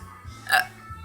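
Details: Woman with repeated hiccups: a single short, sharp voiced hiccup over a low background hum and faint music; hiccup.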